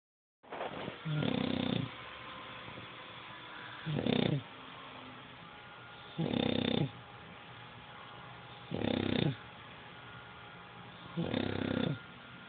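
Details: Loud snoring: rough snores at regular intervals, about 24 a minute, with quiet breathing between.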